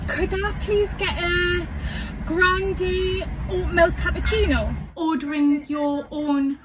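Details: Stuttering in a young woman who has stammered since age five.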